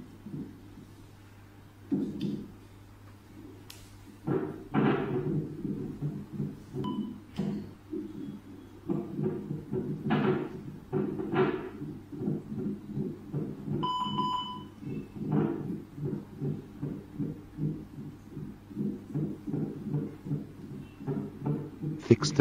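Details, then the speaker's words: Fetal heartbeat heard through a gelled ultrasound FHR transducer of a hospital portable CTG fetal monitor (MCF-21K), moved slowly over the fetus until clear, reading between 120 and 160; fetal heartbeat on Doppler. "move it slowly around the fetus site until a clear heartbeat sound is heard check the FH our signal is maximum and reading is between 120 to 160"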